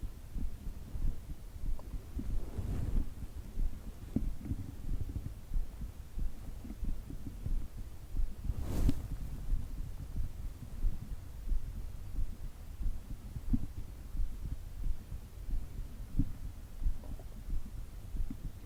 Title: Heartbeat sounds for relaxation